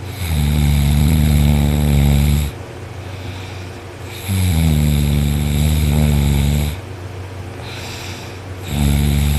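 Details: Adult on their back with an arm over their head, asleep after a long day of work: very loud, rough, rattling snores on each breath in, about three per ten seconds, with quieter exhalations between; snoring.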